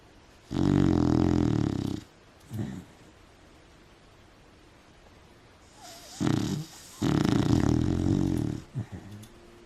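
Long, deep, rumbling snores on the in-breath with soft snorts between, a sleeping dog snoring loudly.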